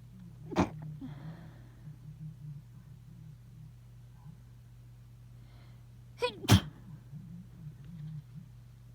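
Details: End of a sneezing fit: a sharp sneeze early on, then two quick sneezes a few seconds later, over a steady low room hum.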